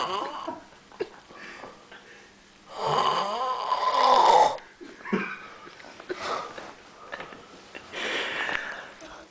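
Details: Adult snoring amid room noise: loud rattling snores with one long harsh snore in the middle.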